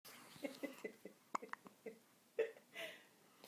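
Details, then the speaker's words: Baby boy with hiccups: a run of brief, abrupt catches repeating at short intervals with soft breaths between; he sounds like a little froggy. "do you have the hiccups? Here you go. He sounds like a little froggy."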